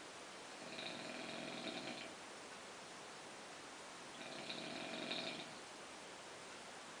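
Two rasping, buzzy breaths about four seconds apart over steady room hiss; snoring.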